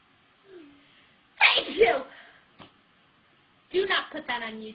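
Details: Two sharp, explosive sneezes from a young woman, each preceded by a brief intake of breath after she announced she was about to sneeze, followed by a short spoken reaction.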